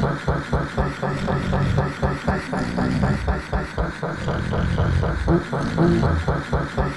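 Fast, rhythmic low rumbling snorts, several a second, like heavy vibrating snoring.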